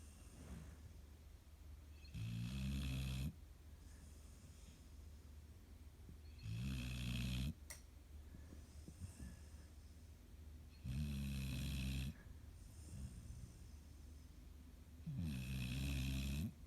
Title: When the Snoring is Just Too Much!